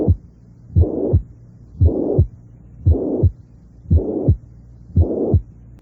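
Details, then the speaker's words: Regular heartbeat near 57 a minute with a high-pitched, blowing systolic murmur loudest at the apex. The murmur fills the whole interval between first and second sounds: the holosystolic murmur of mitral regurgitation. "si un soplo sistólico tiene intensidad máxima a nivel de la punta Y es de timbre soplante y tono alto puede considerarse que corresponde a una insuficiencia mitral a pesar de que el soplo sea débil no exista"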